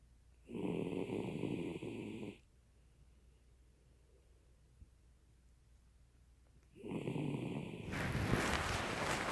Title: Kujo Snores